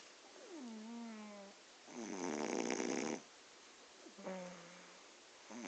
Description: My girlfriend went straight to bed after a long day of doing errands and waking up early this morning and once she was tucked in the bed she was out cold and started her loud snoring immediately!